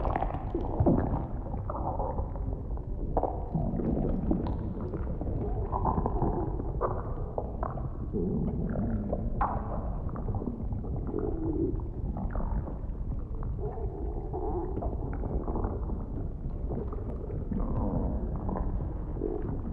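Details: Role-play ASMR recording, not a real exam: close-miked stomach sounds of food digesting after eating, with continuous low gurgling and rumbling and occasional deeper thuds; stomach rumbling.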